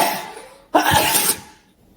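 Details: A single explosive allergy sneeze in a small, echoey, cold, dusty lab where there may be animal hairs, with an itchy nose and eyes, during an attack of at least 30 sneezes in one hour; cause uncertain.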